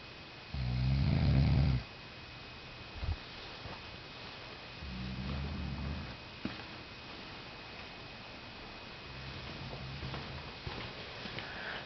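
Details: Dog out cold in deep sleep, snoring loudly: low buzzing snores, one loud and others softer, with quiet breathing between.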